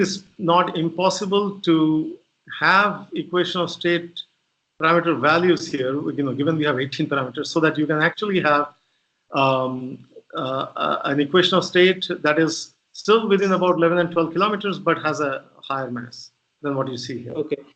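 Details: Adult male speaker; normal voice.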